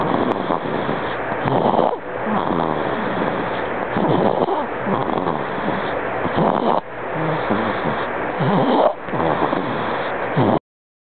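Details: Stridor in a 2-month-old boy with laryngomalacia, tracheomalacia and chronic bronchitis: noisy, rattling, coarse breathing with repeated harsh breath sounds.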